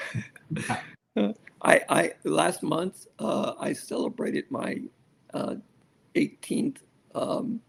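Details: Male stroke survivor with aphasia after a severe stroke, over a decade of rehabilitation; aphasia.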